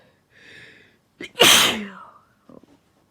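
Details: Induced sneezing in a female after a cold: brief inward breath, then one loud explosive sneeze, followed by a few soft sounds; sneezes got stronger, leaving her slightly dizzy.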